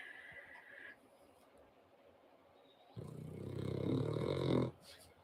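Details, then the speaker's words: Dog snoring: after a quiet stretch, a single loud, rough, buzzing breath lasting about two seconds over faint room noise. "you can probably hear the dog that's snoring"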